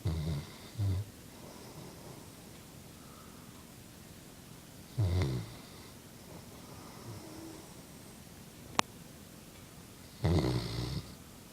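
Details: Chocolate Labrador dog snoring in sleep: low rumbling snores about 11 a minute with quiet pauses between, getting louder again after a quieter spell.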